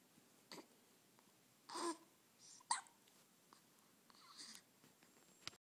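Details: Hiccups in an almost one-month-old baby girl: several brief, sharp catching sounds mixed with soft breathy noises in a quiet room.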